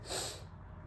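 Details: Adult man with a cold and fever-like illness, on medication, voice affected: a single quick, hissy nasal sniff clearing a congested nose.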